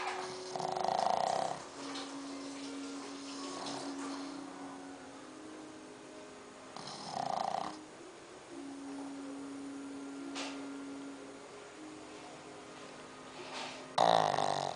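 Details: Sleeping 9-month-old pug snoring: rhythmic snorting snores with low rattling buzz between louder nasal snorts, about four louder bursts over fifteen seconds; flat-faced dog snoring.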